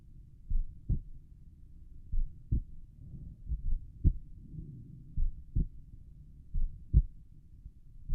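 Slow, steady paired lub-dub heart sounds at about 42 beats a minute over the pulmonic area, with soft background hiss; normal resting heart sounds.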